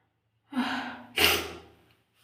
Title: Sneezing strong!read the description ❤️🙏